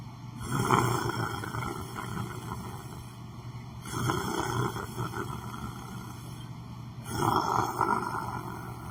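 Loud, rough, rumbling breaths repeat about every three seconds, roughly 18 a minute, over a steady electrical hum: snoring.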